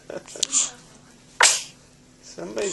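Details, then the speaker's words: Baby sneezing: a sharp, hissing sneeze burst among softer sniffs and noises in a quiet room. "got the sneezes. Oh, Wow. God bless you. 4 in a row."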